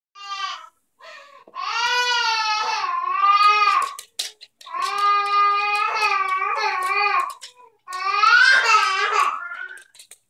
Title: Crying For No Reason